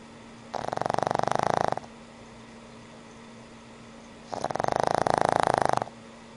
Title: Cute Snoring Pug